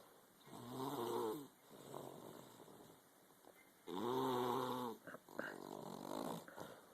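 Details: Two slow, drawn-out nasal snoring breaths with a buzzing, tonal quality, plus some snuffling, from a sick sleeping dog; snoring.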